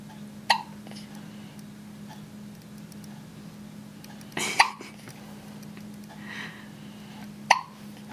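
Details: A young child hiccups three times in about eight seconds, each a sharp, abrupt catch of breath over a steady low electrical hum; ordinary hiccups.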